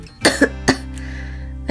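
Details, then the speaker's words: Adult with COVID-19, probably the omicron variant, non-severe illness with cough, cold, sore throat, fever, chills and fatigue, self-isolating at home: two or three harsh cough bursts, then a soft hum. "I keep coughing and it's just so bad, honestly. Like, my symptoms are not even like the severe symptoms, but still, you know, it's just not very nice being sick."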